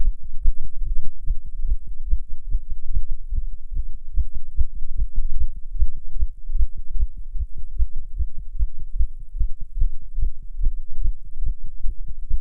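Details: Tachycardia in a non-smoker while smoking a cigarette, a nicotine effect stronger than usual: rapid, regular low thumping heartbeat at roughly 110–120 beats a minute.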